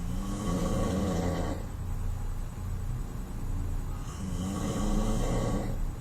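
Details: Adult man (a father) asleep in a hotel room, with loud, harsh, rattling snores on two breaths about four seconds apart and noisy breathing between: very loud heavy snoring.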